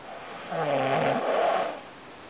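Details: A person snoring during sleep: a single drawn-out, buzzing breath, one snore.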